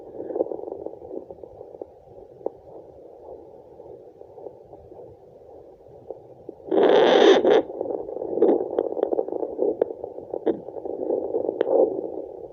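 Muffled, rushing whoosh through a fetal Doppler, the placental blood flow sound, with a brief scraping burst.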